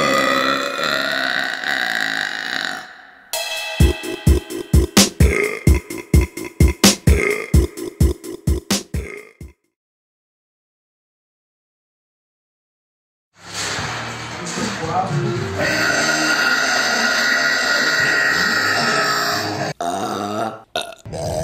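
Rapid run of short, deep burps, about a dozen in a row, between music-backed sections; repeated belching.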